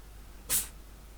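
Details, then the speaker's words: Faint sneeze from a cat playing under a desk with a ping pong ball; kitten/cat sneeze. "Don't know if you could hear that kitty sneeze."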